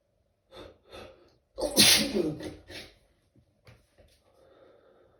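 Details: Stifled sneezing at work during a sneezing fit, in a bathroom: two soft catching breaths, then a muffled, held-back sneeze burst and a few fading sniffs.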